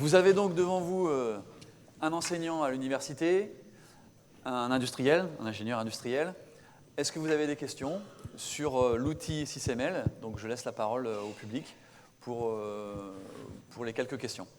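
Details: Adult man speaking French; normal voice.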